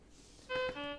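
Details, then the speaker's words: Syringe pump alarm triggered when the syringe-detection button is released during a repair demonstration: a short steady electronic alarm tone that shifts pitch midway, over faint room noise; syringe-detection fault. "और जैसे में देखना button को छोड़ दो ना फिर alarm आ जाएगा"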